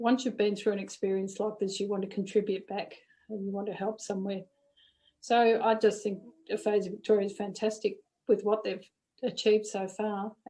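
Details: Adult woman; no disorder.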